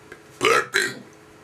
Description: a friend of mine and i.. while we are enjoying our burps :D i hope you enjoy them to^^ :D